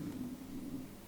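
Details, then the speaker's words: A person's stomach rumbles during a recorded chat, and they say they're hungry. It is a low, steady rumbling growl lasting about a second: ordinary hunger borborygmi. "you hear my stomach rumbling? >> I can. Yeah. >> Hungry."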